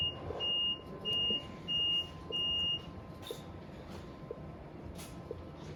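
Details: Four short, high, chirpy beeps over quiet room noise: normal power-on self-check tones of a Draeger Reanimator F120 transport ventilator being set up for nasal CPAP on a TI500 transport incubator.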